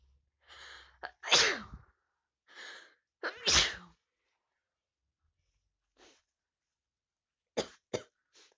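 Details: Person with a cold after sleeping with the window open: two full sneezes, each with a sharp in-breath before the burst, then smaller sniffs and puffs of air; sneezing.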